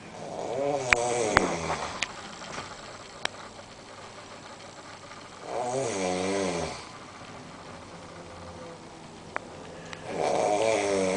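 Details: Man snoring unusually, attributed by the uploader to smoking: loud rattling snores with buzzing vibration, about one every five seconds, faint clicks between; heavy snoring.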